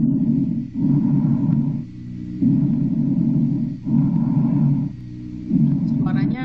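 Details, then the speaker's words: Normal bronchial breath sounds played in a clinical auscultation practicum: loud, slightly coarse, hollow breathing like air through a wide tube, repeating about 19 cycles a minute. "agak sedikit kasar. Bayangkan udara itu lewat pada tabung yang diameternya besar, adik-adik. Nah, suaranya agak sedikit keras."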